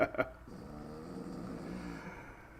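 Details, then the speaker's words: Sleeping dog on the owner's lap, snoring extra loud that day: two brief soft snorts, then a single drawn-out, buzzy snore. "as we got dueling dog dogs on my lap you may hear the snoring it's extra loud today I think it's Lou actually"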